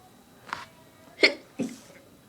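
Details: Person sneezing while trying to talk, with the nose tickling strongly: a soft sharp burst, then a louder sneeze and a quieter follow-up in quick succession in a quiet room; a short run of sneezes.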